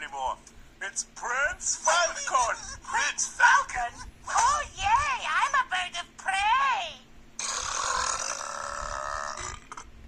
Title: second burping tournament first round eighth battle